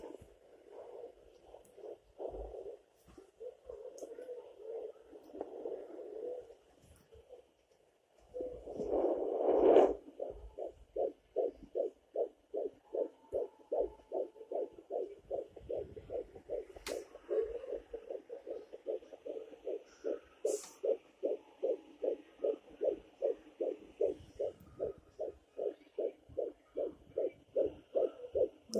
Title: Fetal Doppler 12 weeks 4 days